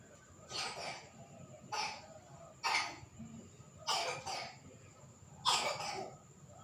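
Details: Five separate harsh coughs spaced over several seconds, each followed by a quiet pause, from a patient complaining of dizziness and cough during an alternative massage treatment.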